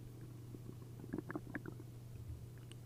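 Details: Upset stomach after drinking a liter of milk and a liter of prune juice: a run of quick liquid gurgles and bubbling over a steady low hum, giving loud, busy hyperactive bowel sounds.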